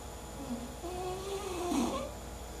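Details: Sleeping English bulldog snoring: a drawn-out, wavering, nasal breath ending in a brief snort, with a low steady hum in the background.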